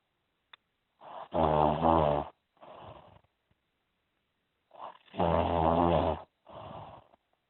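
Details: Human snoring during sleep: loud, rattling snores on each breath in, each followed by a softer breath out, repeating about every four seconds.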